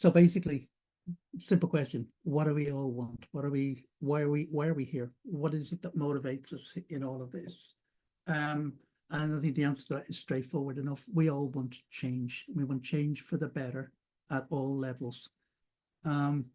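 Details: Adult man speaking; ordinary speech.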